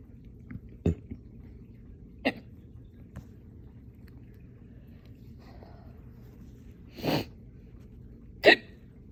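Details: Hiccups that followed burping, after eating cereal, running a dog and drinking water too fast: sharp, brief hiccups at irregular intervals, some louder than others.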